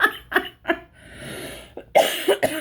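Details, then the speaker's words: Adult still coughing while recovering from a cold, chest feeling better: a series of short, abrupt cough bursts with a breathy pause between groups. "I know I'm coughing still but my chest feels a lot better and I feel a lot clear"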